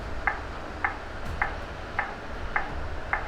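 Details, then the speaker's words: Steady metronome ticks at about 105 a minute from a ZOLL AED 3 BLS defibrillator, pacing chest compressions during a CPR demonstration, with faint room noise underneath. "If any chances, if you stop chest compression, after 10 seconds, the machine will"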